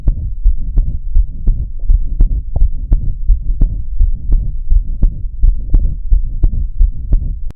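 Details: Diastolic heart murmur, a pathological sign: steady heartbeat near 85 a minute with a soft, low, rumbling murmur between beats.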